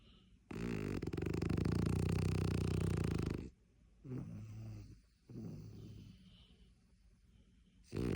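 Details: French bulldog snoring loudly asleep on a comfortable bed it sneaked onto: low-pitched rattling snores, one long then shorter ones.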